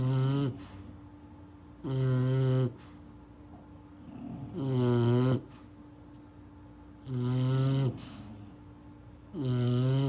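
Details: English bulldog puppy snoring in sleep: regular low, buzzing, whistly snores with each breath, about 24 a minute, with quiet gaps between.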